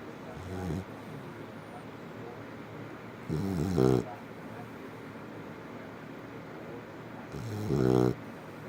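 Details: Sleeping Labrador Retriever snoring: low, rising, rattling snores about every four seconds, roughly 15 a minute, over quiet room noise.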